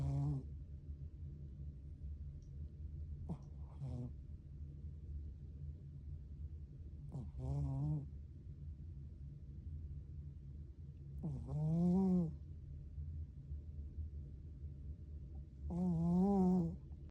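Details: Soft rhythmic snoring from a sleeping foster cat, about 14 breaths a minute, with a voiced purr-like rattle on each breath against steady room hum; snoring.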